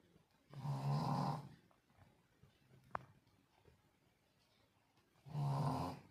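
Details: Sleeping dog snoring at bedtime in a small quiet room: two loud, low rumbling snores about five seconds apart with quiet breathing between them.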